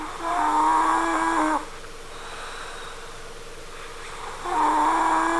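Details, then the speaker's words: Daughter snoring in sleep upstairs, likened to a crying baby or cat: long, loud, tonal whining breaths about 1.5 seconds each, separated by a quiet pause. "daughter is snoring. I want to go upstairs to check it out. Sound like a crying baby or a cat."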